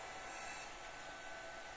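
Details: Quiet, steady whirring hum of an SLE 5000 neonatal ventilator running normally after a CMOS battery reset fixed it freezing on the boot logo.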